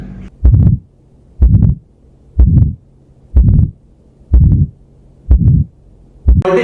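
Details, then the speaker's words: Aortic stenosis systolic murmur auscultated at the aortic area while the patient breathes deeply, exhales and holds the breath; radiation is checked toward the carotids to confirm it. "So let's talk about second systolic murmur, that is aortic stenosis. How to confirm? Check the radiation towards the carotids."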